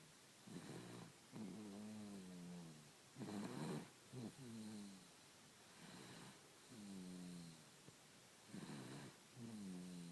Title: Snoring baby